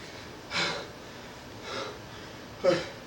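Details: Someone with a cold of about a week gives three short, forceful nasal bursts in a quiet room, sharp snorts or stifled sneezes.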